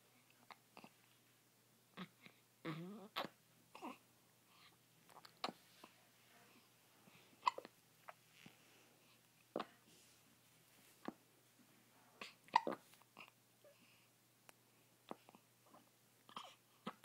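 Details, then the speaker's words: A young girl has hiccups: short, sharp catches of breath recur irregularly, about a dozen a minute, in a quiet room. "do you have the hiccups? That's silly. Silly girl. Silly hiccup girl."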